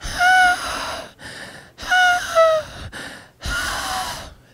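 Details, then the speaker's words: Adult imitates loud harsh noisy breathing that parents often call wheezing, contrasted with true wheeze, a faint musical sound mostly heard by stethoscope. "we is strictly a musical a faint musical melodious sound that you hear either through your stetoscope or in older kids you can hear it but mostly with your stetoscope"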